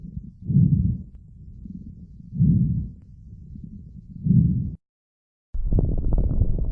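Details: Coarse crackles, as in COPD, resolving pneumonia, lung abscess or tuberculosis; low, bubbling crackles on each of three breaths, from fluid or secretions in larger airways.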